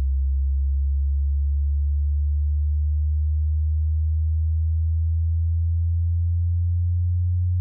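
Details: Tinnitus pitch-matching test, heard through headphones or speakers: a steady, very low-pitched pure tone hum at the bottom of a frequency sweep from the lowest to the highest audible tone.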